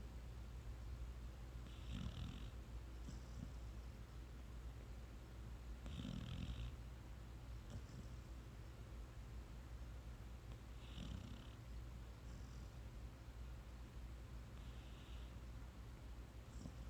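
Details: Sleeping subject with soft, low snores roughly every four to five seconds, partly masked by steady low room hum; gentle sleep snoring.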